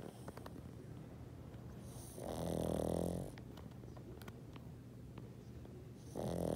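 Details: Sleeping pug on a cold night in Canada: loud, rattling snores on the in-breath with quiet breathing between them.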